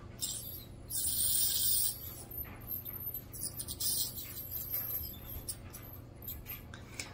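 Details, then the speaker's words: Home sonic plaque remover (ultrasonic scaler) used on her own teeth: high-pitched buzzing and chattering against enamel, on and off, over a low room hum, activating only on hard tooth surfaces; ultrasonic scaler running. "so if I go up to my gums it's not going to do anything but on my teeth it's working really well to remove buildup of plaque it can go in between teeth"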